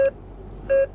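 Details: A single short, clear electronic beep from an ICU bedside patient monitor showing heart rate, SpO2 99 and blood pressure, over quiet room hum in a teaching recording; a normal routine sound.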